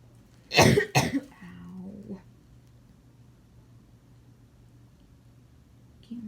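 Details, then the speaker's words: Persistent cough in a person at urgent care for dehydration, coughing all night: two sharp, harsh coughs in quick succession, then a brief voiced groan. "I think that's obvious because I've been, like, coughing a lot. I was, like, coughing all night and it kept my mom up because I was coughing so much."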